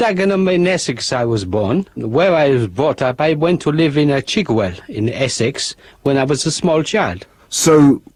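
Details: Adult female English speaker with foreign accent syndrome that began after a migraine; listeners hear an Eastern European or French accent; suspected functional (psychogenic) foreign accent syndrome.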